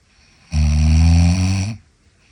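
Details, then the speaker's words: Adult woman snoring in her sleep, recorded at night by her husband; she denies snoring. A single loud, deep, rattling inhaled snore lasting just over a second, then quiet. "就是你打呼噜叫人吵醒了。妈妈咋打呼噜了呀？哎，乖乖，妈妈打呼噜了。"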